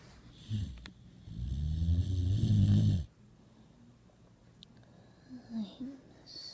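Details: A sleeping subject snores with voice-over: a long, loud, low rattling snore of nearly two seconds, with shorter, softer snorts before and after.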